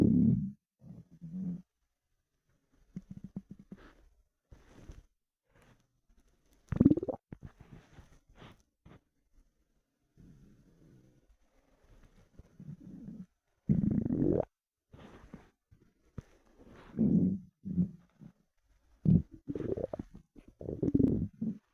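Intermittent low gurgling and rumbling bursts from an empty stomach, typical hunger bowel sounds.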